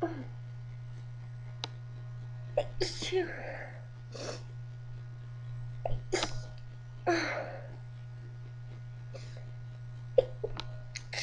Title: 8 Half Stifles Sneezes